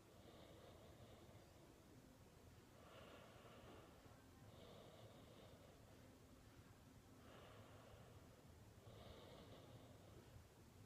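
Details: Faint, regular breathing noises about every three seconds, roughly 20 a minute, under steady hiss; soft snoring.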